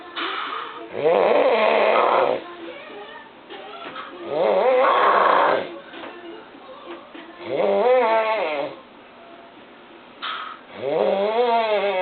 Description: Loudest and scarry snorer ever! turn the volume up